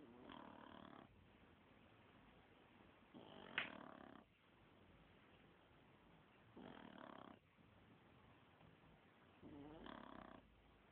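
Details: Two dogs sleeping and snoring: four slow, regular rasping snores about three seconds apart, with quiet breathing between.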